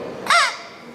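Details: Third-grade boy who swallowed a whistle while playing; a single brief, high squeaky whistle rising and falling from the whistle lodged in his throat/airway, later removed surgically at a government hospital: airway foreign body whistling.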